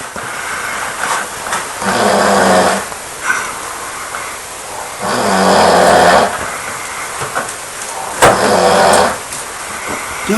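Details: Adult man asleep at 3 a.m.: loud, rough snores about every three seconds, roughly 20 a minute, with quiet breathing between; steady heavy snoring, described as loud enough to shake the walls.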